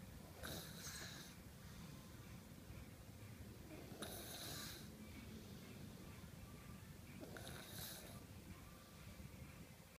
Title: Snore snore snore